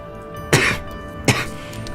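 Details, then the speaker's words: Two short, harsh coughs over background music, from a person on cold medication who suspects coronavirus and says their voice sounds bad; cough. "I think I have the coronavirus. I sound like shit. I have a cough."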